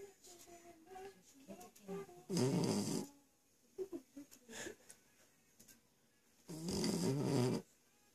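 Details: Youngest family member snoring: two loud, rattling snores, separated by soft vocal sounds and background voices; snoring.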